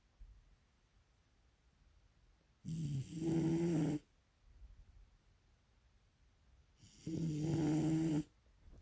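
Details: Sleeping bulldog: two loud, buzzing snores about four seconds apart with quiet pauses between them; regular dog snoring at roughly 14 breaths a minute.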